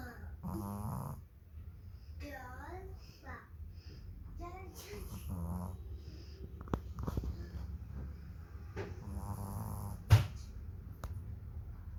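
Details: Sleeping Lhasa Apso puppy snoring like a human: low rumbling snores under the room sound, with squeaky high whines and voices over them.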